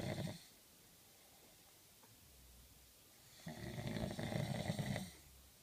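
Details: Snoring from a student in the UK: two rough, fluttering snores separated by a quiet pause, in a quiet room.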